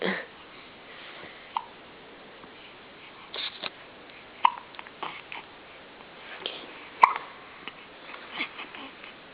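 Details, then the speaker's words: Baby boy with hiccups, comforted by a parent: soft, squeaky little catches at irregular intervals over room noise, described as sounding like a mouse; infant hiccups. "Are you okay? Poor thing. Poor thing, your hiccups."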